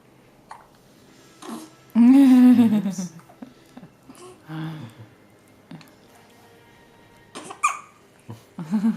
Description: She gets hiccups almost six times a day. Sometimes they don't bother her (like this time) and other times she gets frustrated.